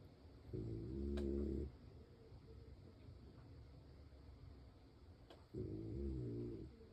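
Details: Two loud, rattling low snores about five seconds apart, with quiet breathing between them, from a sleeping French bulldog; snoring.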